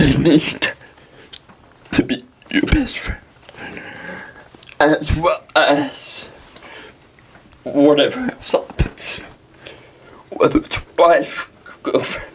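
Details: Dysarthria in a 23-year-old man with cerebral palsy, speaking in a podcast interview.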